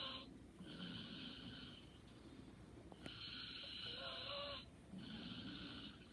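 Soft, whistling, whooshing snores, three breaths in about six seconds, fairly quiet. Light snoring during sleep.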